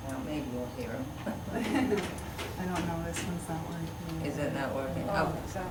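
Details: Man four years after aphasia onset, improved, with difficulty initiating speech, circumlocution, self-initiating single words, very slow but clear speech, good comprehension; non-fluent aphasia with word-finding difficulty.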